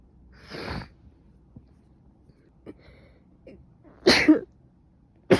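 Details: Person with a suspected new cold, stuffy nose, coughing, severe headache and fever: a soft sneeze then a sharper, louder sneeze with faint sniffles between; sneezing.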